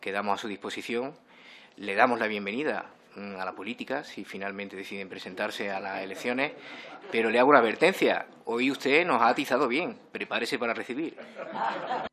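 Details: Adult man; typical speech.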